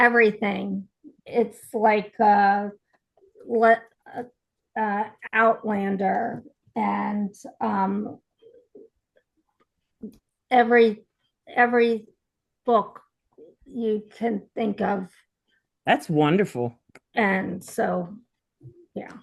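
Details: Aphasia support group participant, likely a woman, speaking with hesitations and word-finding pauses; aphasia.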